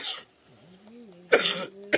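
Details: Single harsh cough burst after quiet room sound, from an adult ill with suspected Covid-19 or dengue fever, whose cough causes head pain, after neem-leaf steam treatment; cough.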